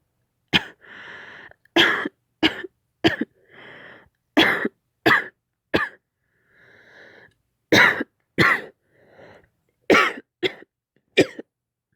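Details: Acted roleplay of a girlfriend who caught a cold while nursing her sick boyfriend, severe coughing: about a dozen repeated sharp cough bursts, with breathy throat sounds and sighs between them, in a quiet room.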